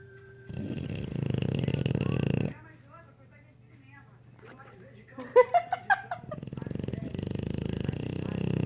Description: English Bulldog snoring, even after getting awake.